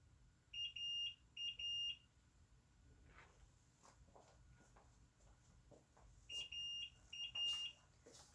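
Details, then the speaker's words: Repeated pairs of high electronic beeps in a quiet nursing lab: IV infusion pump distal occlusion alarm caused by kinked tubing, shown as an IV complication. "something's wrong with our IV first thing I might do usually is press silence because the beeping gets people really anxious"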